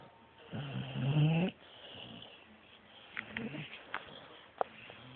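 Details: A low, rough, fluttering snore on one breath, then quieter breathing with a few faint snorts and clicks; snoring.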